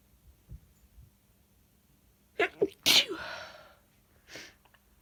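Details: Sneeze: a couple of short, catching inhalations build into one forceful sneeze, followed by a trailing breathy release and a faint sound afterward.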